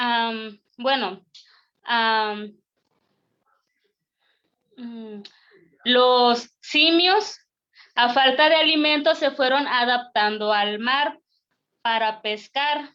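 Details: Stuttering in a male first-time participant from Argentina at a stuttering practice group, giving a deliberately unprepared presentation because he reports current problems with his spontaneous speech.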